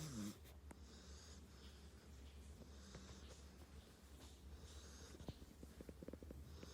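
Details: Dog snoring while asleep, recorded close up in a quiet room: a soft, steady, low rumble of breathing with faint wheezy snorts.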